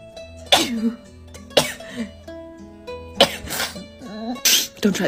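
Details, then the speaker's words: Person with allergic rhinitis at a pool, sneezing after sniffling: four sharp explosive sneezes with sniffing and sharp breaths between them over background music; repeated sneezing. "It's been a few hours and I still can't stop sneezing."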